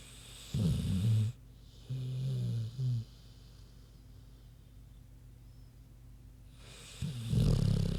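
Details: A large sleeping pig snoring: low rumbling snorts and grunting snores separated by quiet pauses, over steady room hum.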